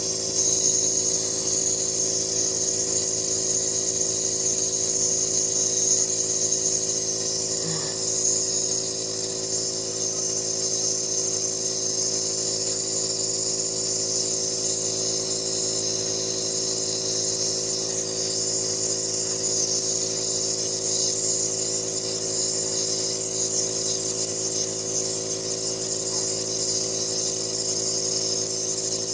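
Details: Nebulizer compressor running during a breathing treatment for a person with asthma who is wheezing: a steady motor hum with a constant airy hiss.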